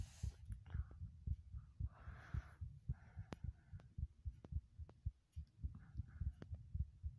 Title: heartbeat sounds (remake)